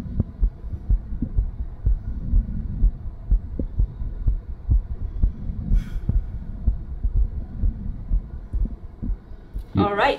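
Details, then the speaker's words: Woman with lipoedema and a diastolic heart murmur, after exercise: fast heartbeat near 125 a minute, with the whooshing murmur much more prominent and blurring the separate heart sounds. "so it sounds it actually sounded quite different because you've actually noticed the murmur a lot more so rather than listening to the actual definite Bom Bom Bom you hear a lot more of the murmur"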